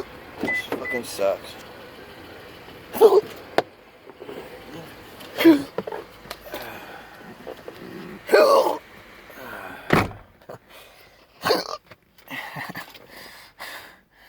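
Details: Adult with a rare, disabling persistent hiccup condition lasting about 3.7 years despite many treatments and surgeries: sharp, brief gulping hiccups about every two to three seconds against low vehicle-like background noise.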